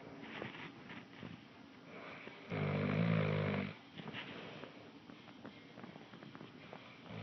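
One loud, rough, low rumbling snore lasting about a second, set against quiet breathing and room noise; snoring.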